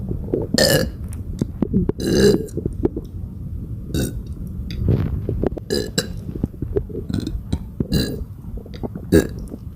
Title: Badly bloated non-stop burps for 6 minutes 💓💓💓